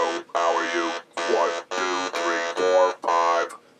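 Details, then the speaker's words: Electrolarynx speech: a Servox Digital XL, a dual-tone electronic device held against the body's tissue, whose vibrator transmits sound into the body to produce a voice. "an electronic device against the tissue just the tissue of the body that vibrator will transmit sound into the body and here's what you will hear"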